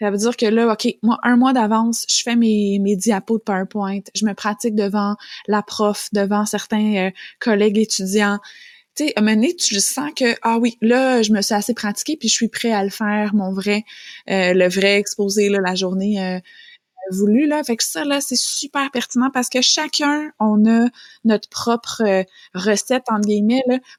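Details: Adult woman speaking French; no speech disorder.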